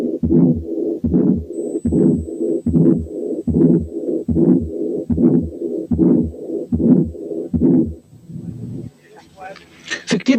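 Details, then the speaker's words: Mixed aortic valve disease: combined aortic stenosis and incompetence with both an ejection systolic and an early diastolic murmur, regular heartbeat near 74 a minute. "دلوقتي نسمع combined aortic stenosis and incompetence فيها both ejection systolic early diastolic murmurs."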